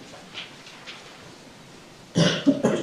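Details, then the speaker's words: Judge in a courtroom trial who came down with a pretty bad cough since the previous day: quiet room noise, then a short burst of two or three harsh coughs. "I came down with a pretty bad cough between yesterday and today. It's making this a little challenging. I apologize."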